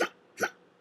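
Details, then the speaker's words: Hiccup-like breathing tic, breathe-then-stop, in a person with tics, OCD and ASD, off medication (guanfacine) about two months with worsening tics: two brief, abrupt gasping catches of breath, each cut off sharply. "i know it sounds like a hiccuping tick but actually i it's a breathing tick where i breathe and i stop"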